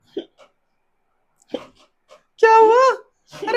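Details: Acted comic hiccups while a mother tries silly remedies: a few brief, abrupt hiccup-like catches of breath, then a drawn-out voiced moan; simulated, not real.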